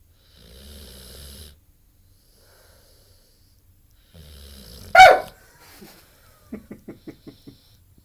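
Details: 8-month-old Ultimate Mastiff dog sleeping: two rumbling snoring breaths, a loud snort, then a quick series of soft puffing exhalations: snoring.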